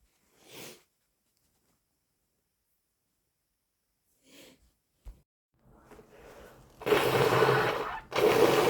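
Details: A few short sniffs followed by two loud, wet nose blows from a person with a cold, stuffed up all afternoon; nasal congestion.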